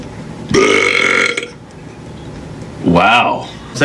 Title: Burps Sequence TikTok Live